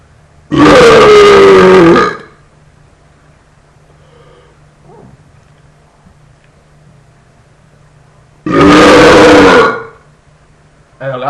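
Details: Deliberate burping recorded on a laptop microphone: two long, loud, rumbling belches, each over a second, with quiet between them and a third starting at the end.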